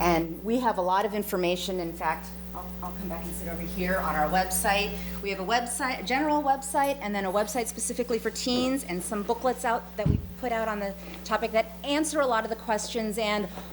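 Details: Adult woman speaking; normal speech.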